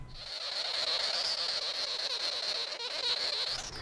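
A continuous loud, harsh, buzzing chatter like an insect drone, lasting the whole clip: sugar glider crabbing, a defensive sound of fear.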